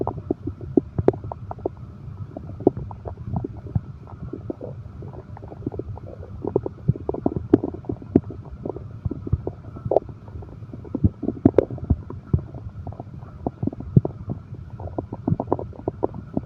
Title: insomnia terapi ( sound heartbeat and stomach growl)